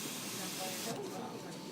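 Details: Steady rushing hiss of air through a BiPAP Vision ventilator mask set at 12 over 6, with a brief tone shift, in a hands-on respiratory care demonstration; BiPAP mask airflow.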